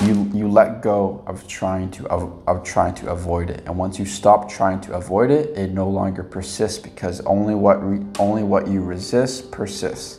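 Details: Stuttering in an adult man with lifelong stuttering that still occurs at times; he reports past blocks and current mild repetitions and prolongations.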